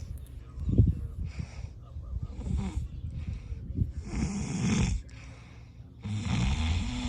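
Low rattling snores alternating with breathy breaths over a few cycles; ordinary snoring.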